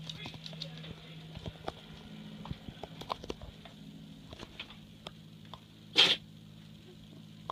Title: Sneezing doggie